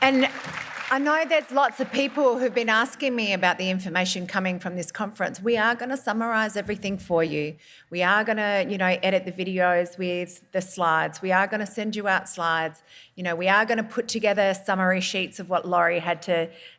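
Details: Adult woman speaking; normal speech.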